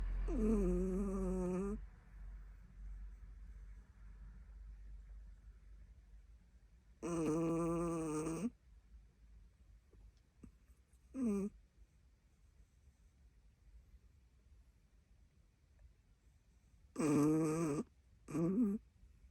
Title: How does a chihuahua snore?